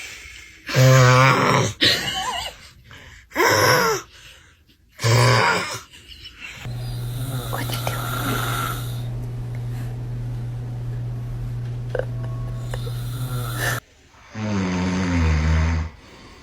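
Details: Loud, rough, low snores on each in-breath from a sleeping father, with his baby's frightened cries and groans in between; ordinary heavy snoring.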